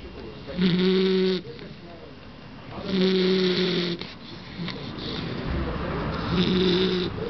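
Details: Bull terrier snoring in sleep: three loud, rough, droning snores on the in-breath, about 25 a minute.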